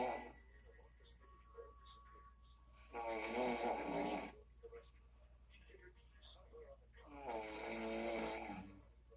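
Two loud, rough, rattling breaths with quiet gaps between them. Snoring during sleep.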